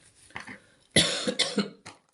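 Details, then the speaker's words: Two small throat sounds, then a burst of harsh coughs and a last faint cough from an adult with flu lasting ten days. "Quindi perdonatemi la tosse, se no rischiamo di non farli più sti video perché sono 10 giorni e sto così."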